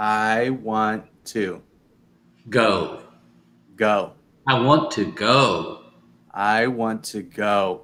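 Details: Adult male speaker; aphasia.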